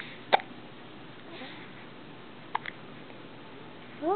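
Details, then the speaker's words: Baby sitting in a bouncer has two brief, sharp hiccups a couple of seconds apart in a quiet room, with an adult talking to her; ordinary infant hiccups. "oh you share the hiccups too uhhuh oh yeah yes definitely have a hiccup mhm"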